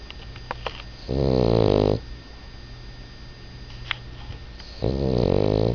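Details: Snoring during sleep after being tired out from playing with a dog; two loud, rattling snores separated by quieter breathing, with steady room hum.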